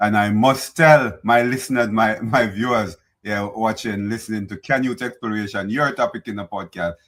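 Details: Adult male speaker; Normal speaking voice.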